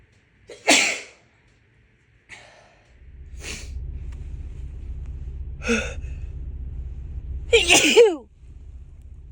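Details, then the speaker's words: Several sharp, wet sneezes with quick breaths between them over steady car engine rumble, from a woman with March allergy sneezing that strikes especially in the car; repeated sneezing from allergic rhinitis. "These are so wet."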